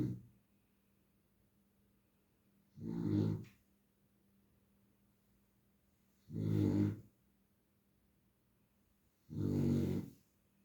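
Three low rattling snores spaced about three to four seconds apart, roughly 18 a minute, with quiet between them; plain snoring.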